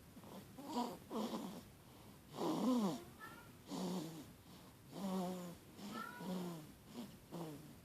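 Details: Infant snoring: soft, uneven snores, some squeaky and voiced, repeating irregularly at about 45 a minute.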